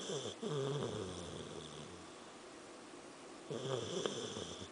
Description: Here is a clip of my samoyed, Angel, snoring.